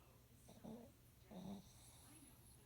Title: Rocky Snoring